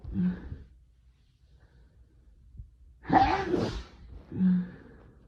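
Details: Adult with fall allergies, woken from sleep at night by itchy, nonstop sneezing: a voiced intake, a pause, then an explosive allergic sneeze and a trailing exhale.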